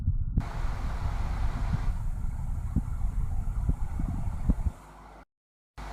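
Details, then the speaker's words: Stethoscope on the abdomen of a patient with ulcerative colitis: continuous low rumbling with scattered brief gurgles. "इसी प्रकार दोस्तों यदि patient ulcerative colitis से सफ़र कर रहा है तो उसके एब्डोमेन में स्टेथोस्कोप को रखकर सुनने पर साउंड जो है इस प्रकार का सुनाई पड़ता"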